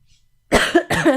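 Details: Young woman livestreaming who says she coughs a lot all night; two loud, harsh coughs in quick succession after a quiet pause.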